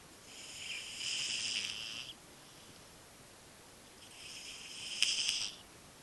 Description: My cat Butters snores louder than I do!